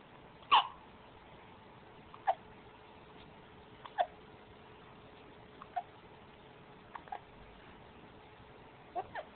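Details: Baby with hiccups: short, sharp hiccup sounds about every 1.5 to 2 seconds against a steady background hiss.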